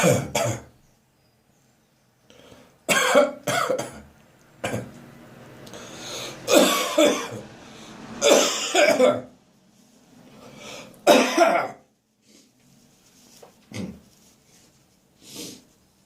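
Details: Adult's morning coughing with repeated harsh cough bursts, throat-clearing and gagging retches between, chest reacting to cold, damp weather; quiet room.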